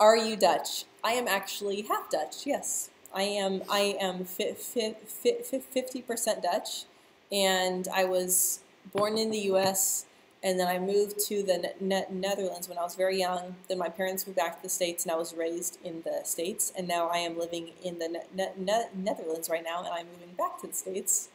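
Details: Adult woman who stutters, speaking live; part-word and word repetitions are audible; stuttering.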